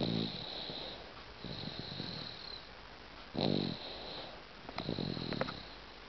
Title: 8 months old baby snoring.AVI